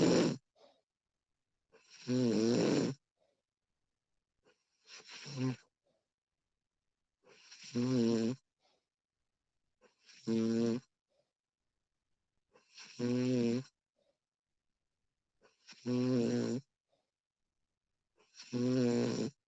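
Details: Female snoring recorded as a realistic sound effect: repeated loud, vibrating snores on each in-breath, about 23 breaths a minute, with silent pauses between them; steady snoring during sleep.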